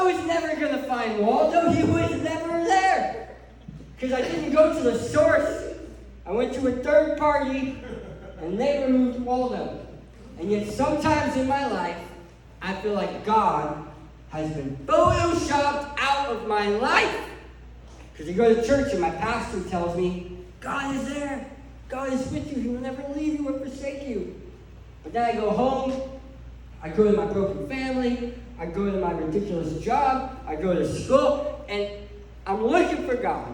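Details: Adult male who lost 80% of his tongue to cancer, leaving a permanent speech impediment including a self-described lisp; speech impairment after partial glossectomy.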